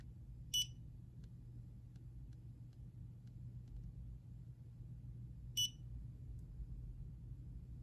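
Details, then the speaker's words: Two short high electronic beeps about five seconds apart over low room hum: dental curing light set for 20 seconds curing a layer of composite in a dental assisting training demonstration. "when they're happy with the shape or they're ready to cure that layer of composite we are then going to set it for 20 seconds and cure all the surfaces as needed"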